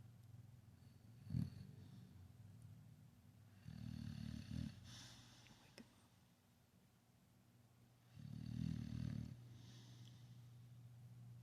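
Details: Low, rumbling snores with soft breathing between in a quiet room, apparently a sleeping dog; snoring.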